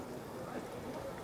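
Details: Politician at an outdoor press conference launching a mayoral campaign coughs once, then waves his hand saying it is not COVID; a single sudden cough after quiet room noise, cut off near its start.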